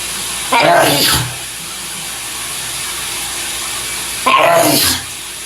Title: Male Shower Sneezes